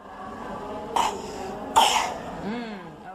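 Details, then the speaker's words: Child assessed for cough or difficulty breathing, where pneumonia or other severe acute respiratory infection is considered: two short, sharp coughs about a second apart, then a brief whimper. "Anak yang menderita batuk mungkin menderita pneumonia atau infeksi saluran pernapasan akut yang berat lainnya."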